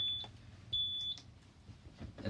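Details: Zoll Z Vent ventilator set to CPAP at PEEP 5 with FiO2 turned up, before connection to a patient; high steady electronic alarm tones in short bursts because no patient is connected yet.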